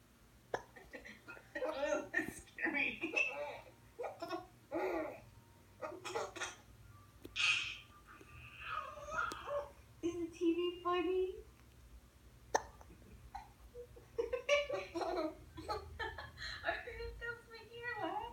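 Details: An infant girl's giggles and babbling broken by a few sudden, sharp hiccups in a small room; she is laughing at her hiccups.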